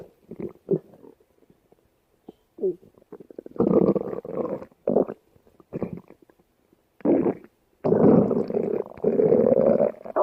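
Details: Irregular low gurgling and rumbling bursts from the abdomen, ordinary stomach growling (borborygmi).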